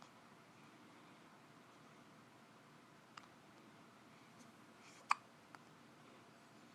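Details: Hiccups: a few soft, abrupt little catches in a quiet room, one clearer than the rest.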